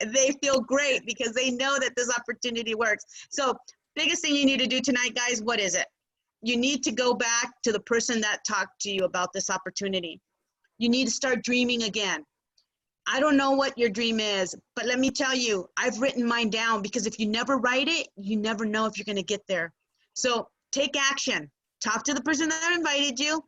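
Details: Adult speaker; Typical speech.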